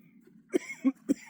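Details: Adult wheezing with mucus felt in the upper lungs during a chest workout; productive cough.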